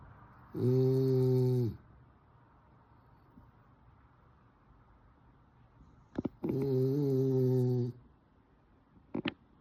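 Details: Sleeping French bulldog snoring: two loud, tonal snores about a second long each, separated by quiet pauses with faint clicks.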